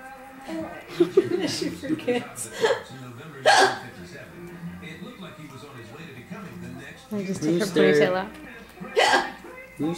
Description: Our 7 month old baby girl hears Grandma's hiccups and tries mimicking them.